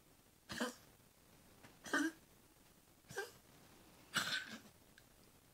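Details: A dog coughing in a quiet room: four short, separate coughs spaced about a second apart.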